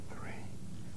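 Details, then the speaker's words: Whispered pectoriloquy heard posteriorly on the thorax with the stethoscope diaphragm: the whispered "1, 2, 3" comes through louder and clearer than normal, suggesting air-filled lung has become airless. "finally ask the patient to whisper 1 2 3 when these sounds are louder and clearer than normal whispered pectoriloquy is"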